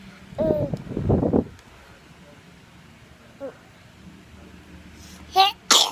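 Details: Baby making small vocal sounds, then two quick, sharp sneezes near the end; ordinary infant sneezing.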